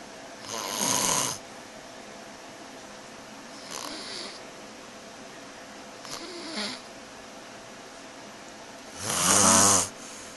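Loud rattling snores during breathing, about three in ten seconds, with quieter breaths between; ordinary snoring.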